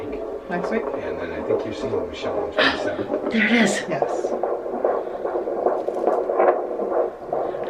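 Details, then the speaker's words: Rapid, rhythmic whooshing pulses of a fetal heartbeat heard on Doppler at a prenatal OB-GYN visit, much faster than an adult's. "get so happy when we can hear the heartbeat"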